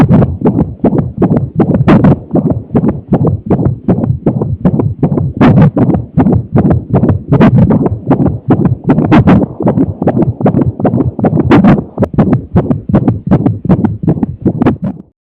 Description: I've recorded my baby heartbeat while she was having a hiccup. :)